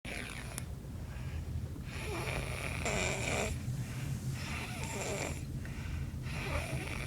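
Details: Sleeping child snoring: rough, rattling snores repeating about three times in seven seconds over a steady low background rumble.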